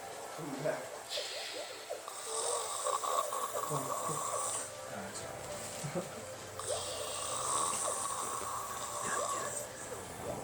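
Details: Rough, rattling snores from a sleeping man after heavy drinking, over steady room noise with some background voices: ordinary snoring.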